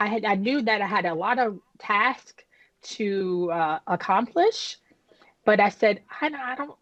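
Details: Woman who had a stroke at age 36 damaging about a third of her brain, including the speech center, initially leaving her unable to speak with right-side paralysis; she had aphasia and apraxia of speech after the stroke.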